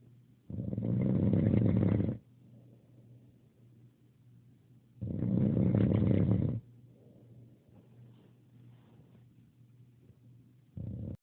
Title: Snore soft